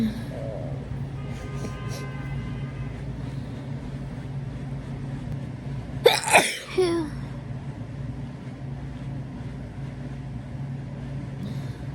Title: sneezing in bed